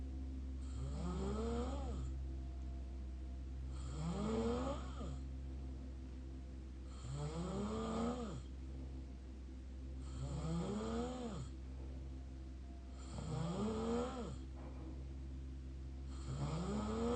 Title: mouth snore part 4